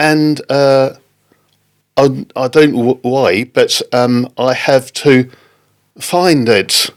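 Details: Man with post-stroke aphasia following a stroke in October 2019; halting speech, non-fluent aphasia.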